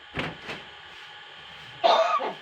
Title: beo belajar bicara dan batuk.